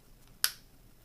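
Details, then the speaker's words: A single short, sharp hiss-click as a clean demonstration-model standard asthma inhaler canister is pressed and releases its spray; metered-dose inhaler actuation. "this is a standard inhaler it lets go it's essentially a canister with a mouthpiece and you hopefully would have seen that spray"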